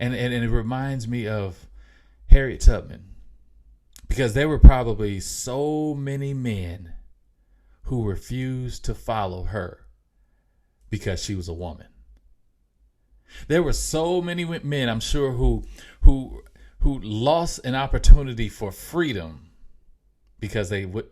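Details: Mild, self-reported stuttering in an adult male podcast host, who says it can be heard in his speech.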